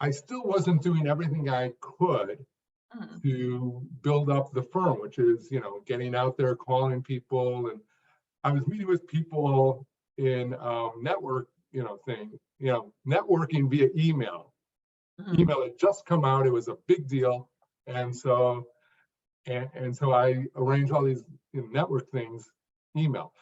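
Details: Stuttering in an adult man who was once a severe stutterer, unable even to read aloud alone; he improved greatly through work and practice but still stuttered in later jobs.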